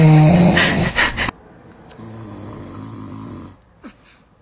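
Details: Dad snoring near a newborn baby: a loud rattling snore with snorts, then a quiet stretch with a soft infant sound.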